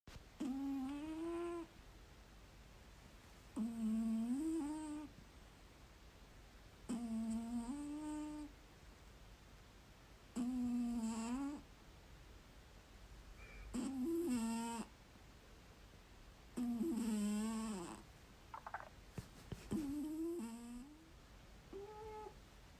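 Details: Sleeping cat snores with a whistling, humming tone on each breath, about 18 breaths a minute.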